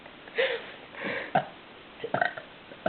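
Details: Playful deliberate burping attempts among friends: a few short, voiced, gulping throaty bursts against room noise. Belching.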